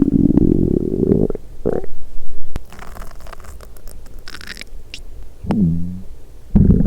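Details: Hunger bowel sounds (borborygmi) from an empty stomach, a parade of rumbles recorded before a cola and Mentos challenge, after drinking coffee.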